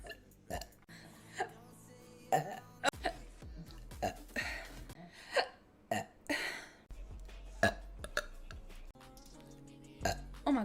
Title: 💫 Good Burping Compilation 4